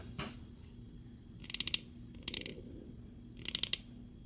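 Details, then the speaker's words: Simulated osteoarthritis joint crepitus on a model: repeated clusters of dry crunching clicks with each movement, like snow crunching underfoot, from pathological friction between uneven joint surfaces. "Хруст від остіа артрозу має свої ознаки. Зазвичай це сухий, схожий на ріпіння снігу під ногами звук."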